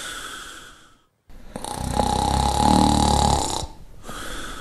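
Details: Shar Pei dog snoring: a loud, rattling snore on a long breath, with quieter breathing before and after.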